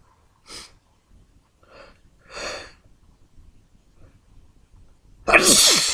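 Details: Sneezing fit: quiet breathy intakes building up, then one loud explosive sneeze, part of a long run of repeated achoos.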